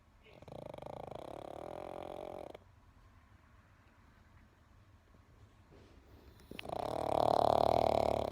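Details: Pug asleep on a couch with TV on: two long, loud, whistling, buzzy snores with a quiet pause between; snoring.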